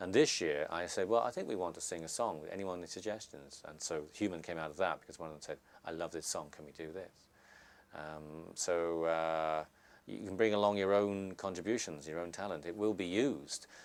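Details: Adult man speaking; typical speech.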